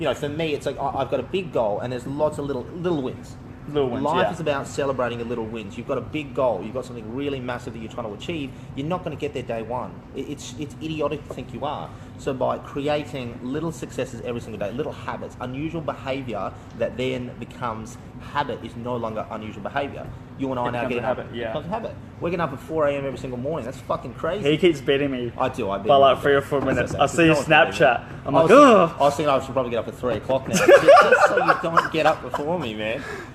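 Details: Adult male speaker; ordinary speech.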